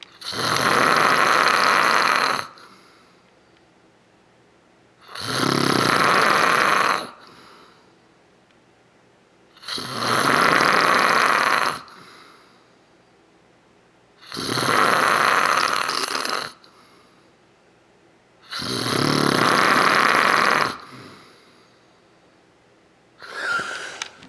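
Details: Man snoring while secretly filmed asleep: loud, rough snores recurring steadily about every 4.5 seconds, roughly 13 breaths per minute.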